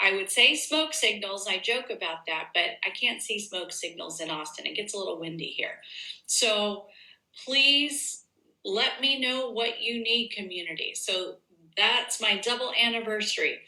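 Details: Adult woman speaking; ordinary speech.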